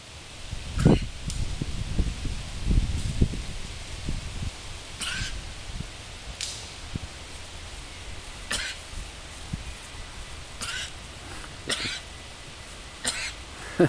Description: A lamb i saw in Holland with a very Human-like cough...